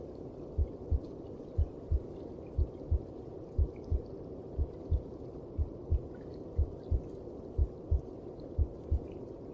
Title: ♥ Звуки сердечка в мамином животике/Heart Sound in Mother Stomach